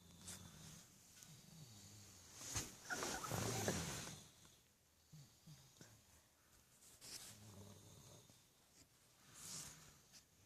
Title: Sleeping/Snoring After Car Ride